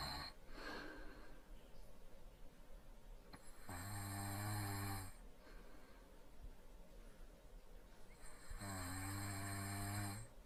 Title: Softie sleeping while snoring lightly SFX